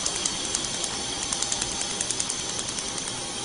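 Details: Rapid sharp clicking pulses, about 88 a minute, over steady room noise: a tattoo removal laser firing on the lower leaves of a leaf tattoo, with cold-air cooling, while the patient breathes deeply.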